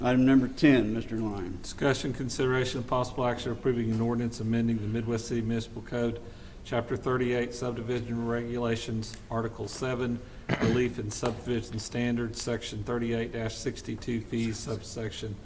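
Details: Adult man reading aloud; typical voice.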